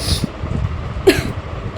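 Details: Two short, rough cough or throat-clearing bursts from an adult woman who is very ill with a sore throat and hoarse voice.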